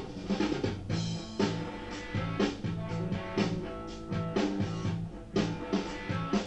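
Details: Rock music with drums and bass, processed by a hearing loss simulator to mimic a moderate flat hearing loss, with dull, muted upper sounds: simulated moderate flat hearing loss.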